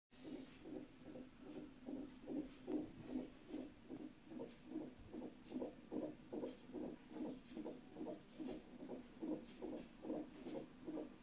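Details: Fetal heartbeat heard by Doppler, first heart sounds of the baby: rapid, regular whooshing pulses at about 146 a minute, normal.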